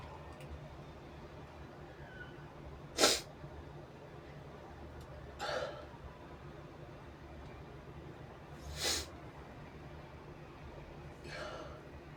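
Four sharp sneezes spread over twelve seconds, the first loudest, over steady room noise; ordinary sneezing.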